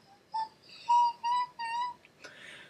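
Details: Demonstration of a vocal tic (high-pitched squeal, highest pitch possible) in a female speaker with Tourette's syndrome, tic beginning around age 9 and no longer present; re-enacted.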